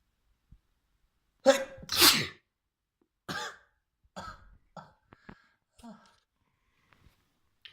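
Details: Trans girl inducing a messy sneezing fit by tickling her nose with a fluffy white feather: two forceful wet sneezes, then several smaller sniffs and catches.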